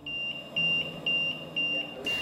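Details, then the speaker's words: Mechanical ventilator alarm of a man paralyzed after falling off a roof, who is ventilator-dependent: repeated high-pitched electronic beeps, roughly two a second, over low room noise. "a love story built from tragedy and you just pick up the pieces and say how we gonna live what do we have left with an end to the ventilator Beeps in sight"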